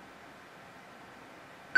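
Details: Quiet room hiss, then a sudden clear electronic beep from a Defibtech Lifeline AED (automated external defibrillator) as it switches off during a usage demonstration.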